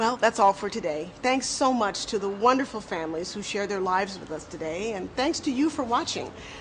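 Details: Adult woman speaking; Normal speech.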